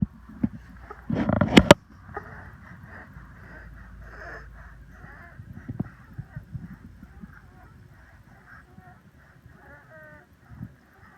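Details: Asthmatic child before nebulizer treatment, recorded for the doctor: noisy, labored breathing with harsh honking stridor and high whistling wheezes, plus indrawing and tracheal tug.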